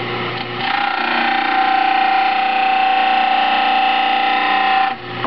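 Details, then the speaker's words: Basic dental model trimmer with water running, trimming the heels of a soaked lower stone model first; loud grinding whine with a steady pitched tone as the wet model presses on the spinning wheel. "And the first thing we're going to do is we're going to trim the back portion or the heels of the model and then stand it up on this table here and make sure that it is straight so that everything else that we trim is straight along with it."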